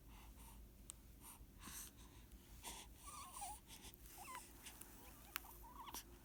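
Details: Swaddled infant breathing: soft, quick breaths with faint airy puffs and small squeaky whistles over quiet room noise.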